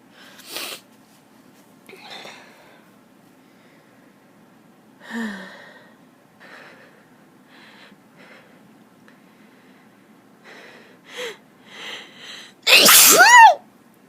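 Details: Young woman sneezing from allergies: soft sniffs and breathy catches, with her nose itching badly, build to one loud, explosive sneeze at the end.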